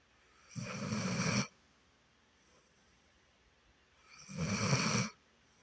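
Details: Two loud, rough, rattling snores about four seconds apart with quiet pauses between, during sleep; ordinary snoring.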